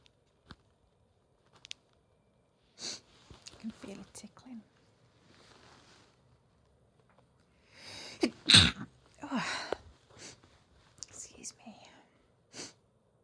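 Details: Woman sneezing after chhinkni sneezing powder, stifling them until they escape: a run of sneezes with sharp bursts of air, several stifled, one loud full sneeze near the middle; repeated sneezing.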